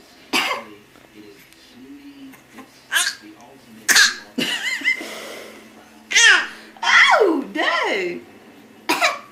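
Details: Coughing: repeated short coughing bursts, some voiced and mixed with laughter-like sounds, in a quiet room.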